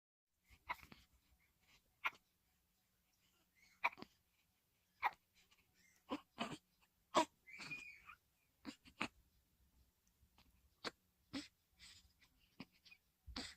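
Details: Newborn baby: about fifteen brief, sharp, irregularly spaced catches with small vocal squeaks in a quiet room; newborn hiccups.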